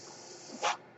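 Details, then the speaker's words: A person's own mechanical ventilator heard while they record a podcast: a brief rushing puff of air rises out of a steady low hiss as the ventilator delivers a breath. "Hello, everyone. My name is. That noise you're hearing is my ventilator."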